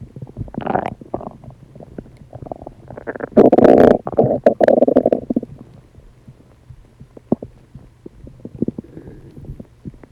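Loud gurgling and rumbling stomach noises with bubbly pops and squeaks, ordinary digestive bowel sounds.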